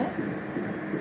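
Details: Fetal heartbeat on Doppler during ultrasound at 12 weeks 5 days of pregnancy: rapid rhythmic whooshing pulses at 147 per minute, stated normal.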